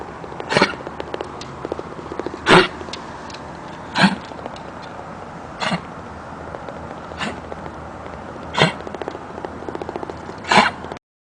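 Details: Dog with a chronic cough: seven short, harsh coughs about one and a half seconds apart.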